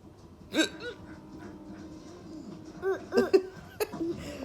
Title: Toddle Copying Hiccups 😂😂😀😁 #toddler #comedy #copying #hiccups #love